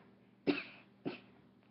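Two short, dry cough bursts about half a second apart in a quiet room.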